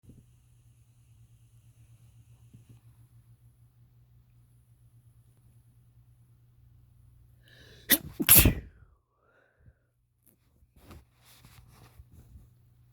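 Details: Male with a cold deliberately inducing sneezes: quiet background hum, then a quick intake and two sharp, explosive sneezes close together; sneezing.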